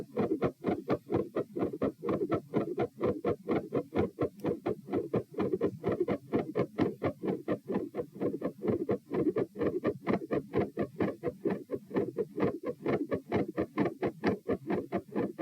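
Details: Heart sounds recorded at position P while standing, at 132 bpm, reproducing feeling unwell and like dropping after 5–10 minutes standing; fast regular beats with extra sounds between them, changing patterns, going silent halfway then resuming increasingly louder; tachycardia with third heart sound, fixed split S2 and murmur.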